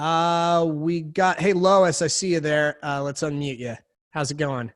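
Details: Adult male speaker; normal voice.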